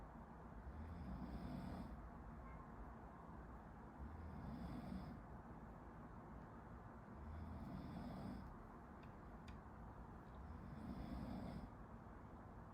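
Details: A person sleeping behind a medical student during a study-with-me recording snores: soft, low rumbling snores about every 3.5 seconds, roughly 17 breaths a minute, over steady room noise.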